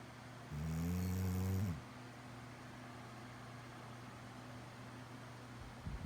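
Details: Pet snoring: one loud, low, rumbling snore lasting a little over a second, then quiet breathing in a small room.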